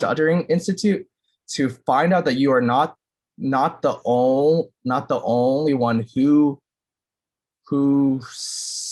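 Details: 9-year-old boy who clutters and describes cluttering as talking too fast; finding: cluttering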